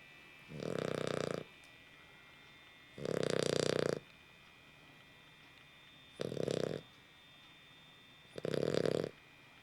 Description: Our puppy Nell really snores. Here is audio proof.